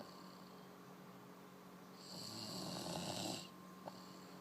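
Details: A single harsh, rattling snore on one breath, with a steady room hum in the background; snoring.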